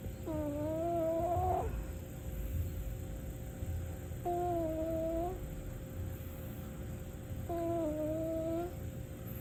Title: 🐈 snore 20221214